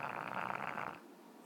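One brief, rough rattling breath noise during sleep, consistent with a snore from a flat-faced dog.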